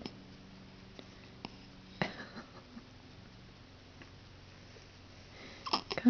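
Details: Girl with hiccups, which she gets almost every time after eating; hiccups.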